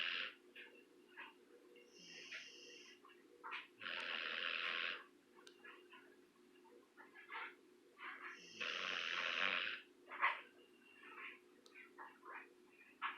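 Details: Soft rasping snores about every five seconds from one sleeper, with a second, quieter sleeper snuffling between them over steady room hum; a snoring duo.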